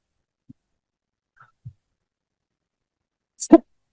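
A single short, sharp cough at the end of a quiet stretch with a few faint clicks.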